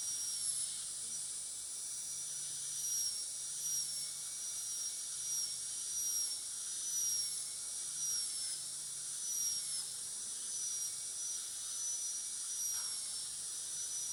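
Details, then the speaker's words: Steady high-pitched whine of a high-speed dental drill with slight pitch dips under load, breaking the remaining proximal enamel shell on tooth 46 to complete contact breaking, metal-ceramic posterior crown preparation demonstration. "So this shell of enamel is going to protect the adjacent tooth from damage with the burr. So I am going to complete the proximal contact breaking now by breaking off its shell of enamel."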